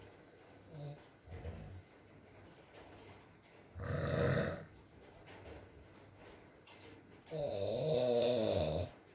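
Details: Male partner snoring during sleep in a recording with rain and mumbles: two loud rattling snores about four seconds apart over soft rain and faint murmuring.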